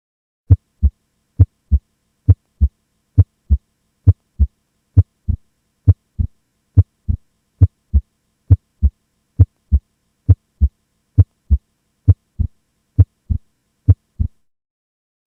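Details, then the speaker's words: Normal S1 and S2, played as a reference before a mechanical aortic valve click: steady paired lub-dub heart sounds at about 67 beats a minute. "I'll play a normal S1 and S2 so those sounds are fresh in your mind"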